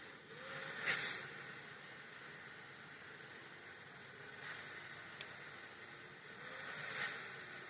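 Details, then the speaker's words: Airflow from a Nidek Breath Smart BiPAP machine with built-in humidifier just started: steady hiss rising in gentle surges about every six seconds, faint tones; patient-triggered breaths shown on pressure and volume graphs. "देखिए मैंने start किया तो देखिए यहाँ पे आपको पूरा graph, कितना प्रेशर जा रहा है, कितना वॉल्यूम जा रहा है, पूरा ग्राफ आपको दिख रहा है।"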